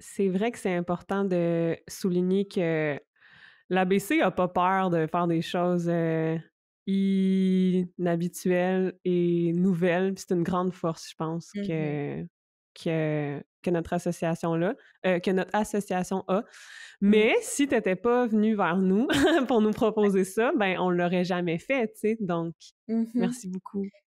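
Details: Adult woman, a speech-language pathologist who stutters, speaking French in conversation; stuttering.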